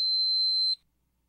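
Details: Infinity (EnteraLite) enteral feeding pump: a single steady high-pitched beep lasting under a second as the pump is switched off with the on/off key after pausing a feeding; enteral feeding pump beep.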